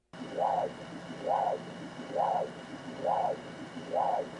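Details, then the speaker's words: Esophageal continuous-wave Doppler of the descending aorta with poor probe focus: muffled, low-pitched pulsing whooshes at about 67/min over a steady hum, lacking the crisp high-pitched flow sound, which indicates inadequate ultrasound. "this is an example of poor focus and you will hear audio that indicates inadequate ultrasound"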